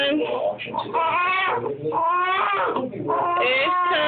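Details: Infant crying during tummy time, disliking it: sustained high-pitched fussing cries with short breaks for breath.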